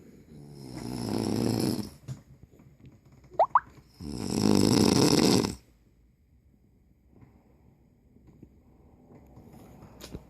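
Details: Man sleeping soundly: two long, rough, rattling snoring breaths separated by a pause of quiet breathing, with faint room noise; ordinary snoring.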